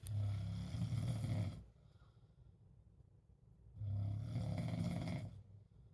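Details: Snoring recorded in Spain: deep, rumbling snores with long quiet gaps, two loud vibrating breaths in about six seconds.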